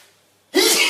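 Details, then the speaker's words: Adult male deliberately sneezing on camera, sneezing fetish video: a single abrupt, loud, hissing sneeze after a short silence. "Oh, not finished. I'm going to sneeze. It's not out. Oh, that's not done. I just know it's not."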